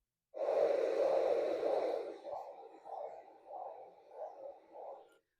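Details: Doppler at the posterior tibial/popliteal level in a patient with acute ischemia from femoropopliteal in-stent thrombosis (Rutherford 2B) after complicated stent angioplasty. A loud steady whoosh, then soft single swishing pulses about 100/min without reversal: monophasic arterial flow.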